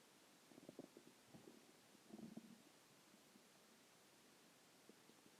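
Soft low gurgling and rumbling bursts over steady hiss; ordinary bowel sounds of a growling stomach.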